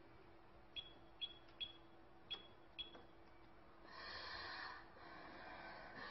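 A few short clicks, then a drawn-out breathy airflow sound with a fainter follow-on breath, fitting deficiency-type dyspnea with inhalation predominant.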